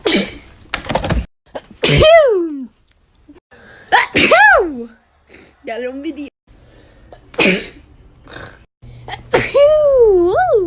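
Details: Repeated sneezing from a year-long sneeze collection: several quick hissing sneeze bursts separated by short, high-pitched squeaky vocal sounds.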